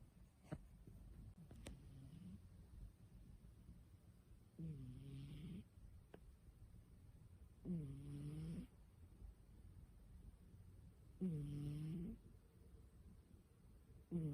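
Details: Low rumbling snores about every three seconds from a sleeping cat, startlingly like human snoring; harmless snoring.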